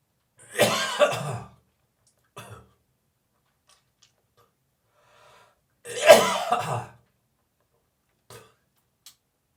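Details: Dry cough with gagging.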